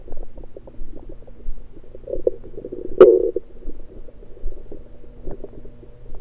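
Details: Electronic stethoscope on the abdomen after breakfast: soft gurgles and irregular low bubbling with one louder squelch, which are ordinary bowel sounds after a meal.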